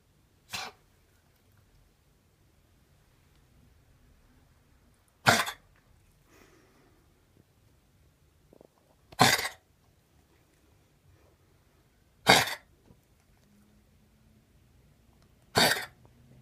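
Five single, sharp, explosive coughs spaced several seconds apart in a quiet room; an isolated dry-sounding cough.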